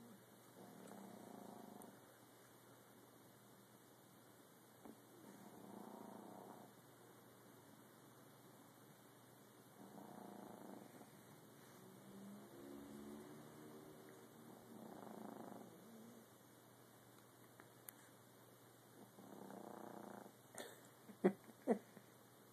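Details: Sleeping cat snoring: soft, regular purring snores about every five seconds, with a faint steady hum in the room.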